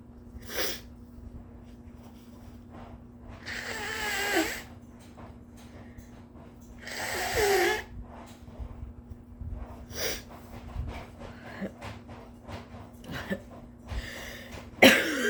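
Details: Exhausted-sounding induced sneezes after a first professional audition, with sore throat, headache and stuffy nose (wonders if getting sick): two drawn-out sneezes with sniffing and breathy inhales, then a sharper final sneeze over a low hum.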